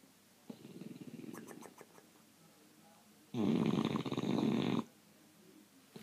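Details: Two snoring breaths from a sleeping bulldog: a softer rattling one, then a loud, harsh, fluttering snore on the next inhalation; snoring.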